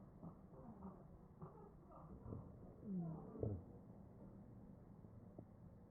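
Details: Wheezing over the chest of a real ventilated patient, recorded with an AccurSound electronic stethoscope: muffled ventilator-driven breath sounds with brief musical, whistling tones, suggesting narrowed airways.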